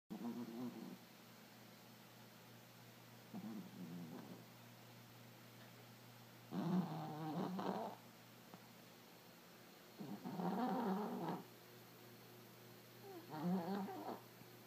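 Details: Female sleeping: rhythmic low, rumbling snores about one every three to four seconds over a steady background hum; snoring.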